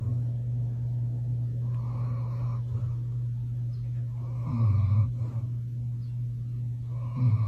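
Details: Sleeping German Shepherd dog gives soft, rough snorting snores over a steady low background hum.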